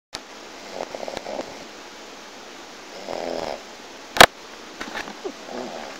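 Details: Adult who passed out drunk making unusual soft, fluttering snores on in-breaths with a sharp click partway through; light snoring.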